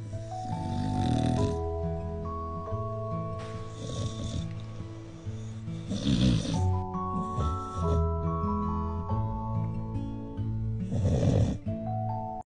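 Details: Sleeping Staffordshire bull terrier snoring in rough, noisy bursts over gentle background music.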